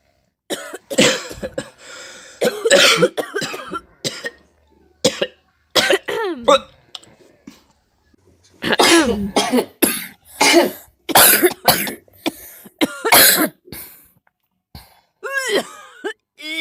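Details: Person sick with a cough: repeated bursts of harsh coughing with short pauses and some throat clearing, an ongoing cough.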